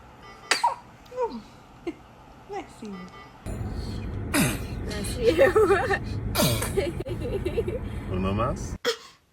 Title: Baby sneezing is so cute 🥰 #funnybaby #baby